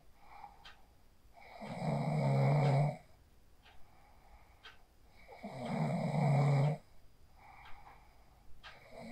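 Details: Sleep snoring recorded on a phone after falling asleep using the 4-7-8 breathing technique: loud rattling snores on each breath in, about 16 breaths a minute, with quiet breaths out between.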